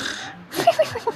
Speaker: Ada apa nih gua kalo ngorok tuh ya Allah berisik banget banget kayak Serius nih